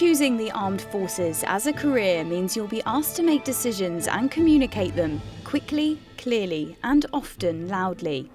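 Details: Adult woman speaking; fluent speech.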